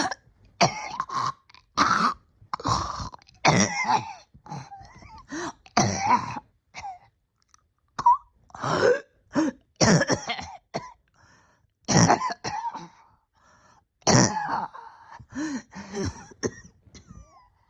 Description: I got pretty sick at the end of the year and have been struggling every day of 2024 to get my breathing back right.